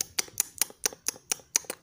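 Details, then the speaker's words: Adult imitating a baby's breastfeeding sounds: sharp, rhythmic wet sucking clicks, indicating incorrect latch; with correct technique only swallowing, not sucking, should be heard. Audible sucking clicks during breastfeeding (poor latch). "itu ya teman-teman ya kalau masih suaranya seperti itu berarti menyusunnya belum benar"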